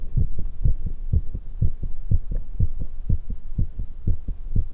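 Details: 19-year-old female after exercise, drinking tea, stomach noises present: fast, pounding, unrelenting heartbeat at about 120 beats a minute; rapid heartbeat after exercise.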